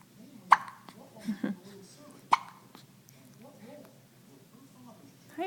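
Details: Hiccups in a 1-week-old baby: two sharp, abrupt hiccup catches about two seconds apart over soft background voices and noise.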